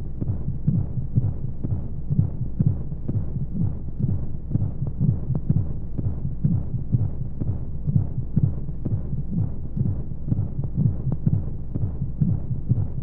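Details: Womb-sound sleep aid for babies: steady muffled heartbeat thumps, about 125 a minute, over constant soft whooshing white noise and flowing sounds, like a heartbeat heard from inside the womb.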